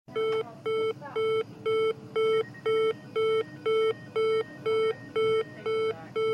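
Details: Loud, regular electronic beeps, about two a second, each a bright tone, from a sound effects library recording; oxygen saturation monitor alarm.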